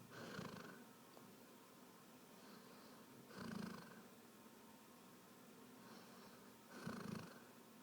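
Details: Snoring during sleep, with three slow, rough snores a few seconds apart, about 18 a minute, and quiet breathing between them; ordinary snoring during sleep.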